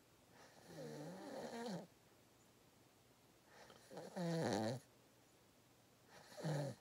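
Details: Person napping gives three loud, deep, rattling snores on breaths in, with quiet pauses between them: snoring.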